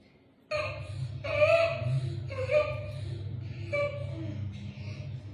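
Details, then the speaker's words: A breastfeeding infant with a suspected congenital respiratory tract malformation: repeated harsh, pitched noisy breaths during feeding, an inspiratory stridor from upper-airway narrowing. "Ningún bebé que lacta hace ese sonido. Es un escridor. Eso se llama estridor."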